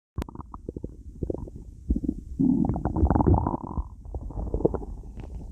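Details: Low gurgling, bubbling rumbles lasting several seconds: ordinary stomach growling (borborygmi) from gut movement.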